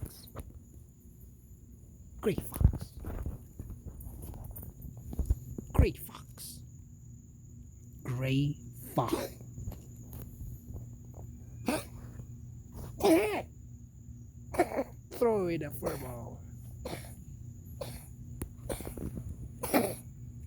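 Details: Grey fox coughing outdoors, probably from fur balls: repeated short, harsh hacking coughs, some with a throaty voiced edge.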